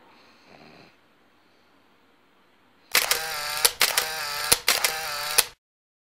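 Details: Pug dog snoring very loudly while sleeping: harsh, rattling snores in a few long bursts, noisy breathing of a flat-faced dog.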